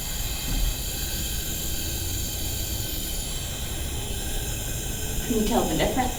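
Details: Continuous airy hiss of a BiPAP mask held to the face delivering pressure during a staff training demonstration, pressure being switched up to about seven, with brief talk near the end.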